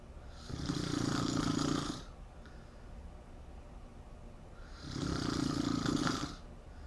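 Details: Two loud, rattling snores on the in-breath, about 1.5 seconds each, with quiet pauses between them; loud snoring.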